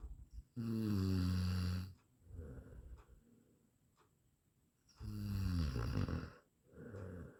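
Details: Eight-minute snoring sound-effect recording: loud, buzzing, tonal snores on each in-breath and softer rustling out-breaths, about 14 breaths a minute.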